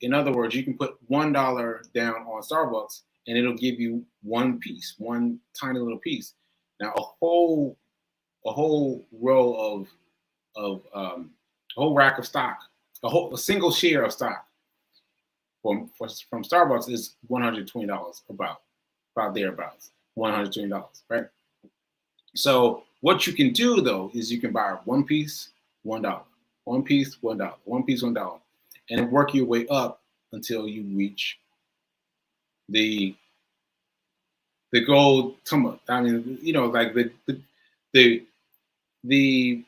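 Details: Adult male stroke survivor with aphasia and self-reported word-finding difficulty, speaking live; aphasia after stroke.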